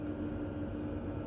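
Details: Steady low mechanical hum with a faint tone: an EverFlo oxygen concentrator running after being switched on, with oxygen flow adjustable up to a maximum of 5.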